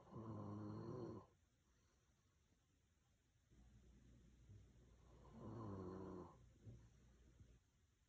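Two deep, rumbling snores about five seconds apart, with soft breathing between; plain snoring in a sleeping dog.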